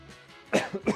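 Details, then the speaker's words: Adult who has been getting sick for about two days, with a scratchy throat, while recording with mic issues: a short, harsh cough followed by a second throat-clearing burst; cough and throat clearing. "And um I've been uh you know getting sick I guess like the last like two days or so as you can hear kind of getting coughing or like my throat's kind of getting scratchy."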